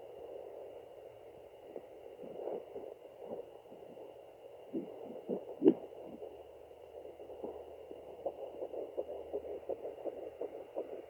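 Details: Home doppler at 10 weeks 5 days of pregnancy: static and shifting whooshes, then a fast, soft, regular fetal heartbeat near 170–190 beats a minute; twins possible but unconfirmed after a scan showed two sacs.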